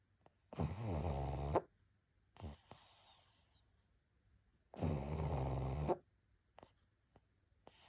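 Two long, loud, rattling snores with quiet gaps between them, from a sleeping small flat-faced dog.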